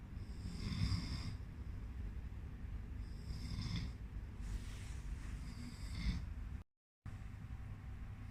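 Low, rumbling breaths with faint hissy edges recurring every few seconds under steady low background noise; snoring during sleep.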